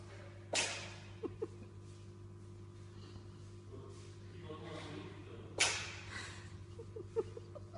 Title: #catvideos #cat the cat sneezes Маруся чихает